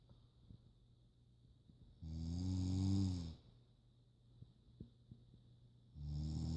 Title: Snoring Animal